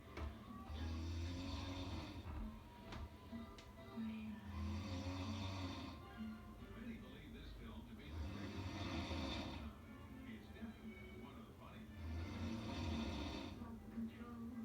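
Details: Heavy snoring: loud rattling snores, one every four seconds, about 15 a minute, with a television playing in the background.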